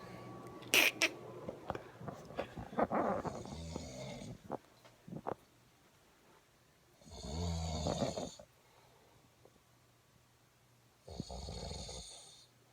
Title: Snoring like a grizzly Bear is not so Booyah!!